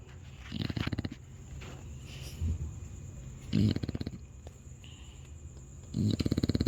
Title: A dog is snoring loudly